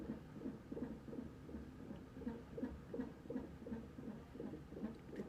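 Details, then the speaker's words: Fetal heartbeat recorded during a weekly non-stress test of a pregnant woman, which also checks for contractions: fast, regular whooshing pulses near 165 a minute over a low hum; the heartbeat was reported to look good. "but I will record some of the baby's heartbeat here in a little bit"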